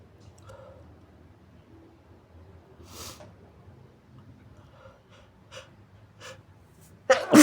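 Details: Muffled big sneezes with wet sniffles and muffled breaths, ending in a sudden loud sneeze burst; the sneezer says the nose tickles, then says they're going to blow it.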